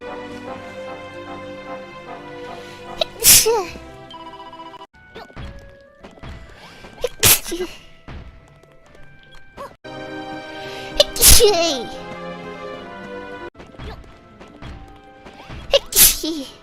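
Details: Sneezes during a livestream: four sharp, explosive sneezes, each a sudden burst of air, over background music; sneezing.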